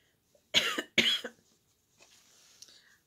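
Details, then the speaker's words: Adult who is sick, with headache and pain when coughing, gives two harsh, wet coughs with audible mucus ("junk") and then a faint breathy exhale: a productive cough. "but i still love the cough and you can you can hear all the cough and all the junk when i cough"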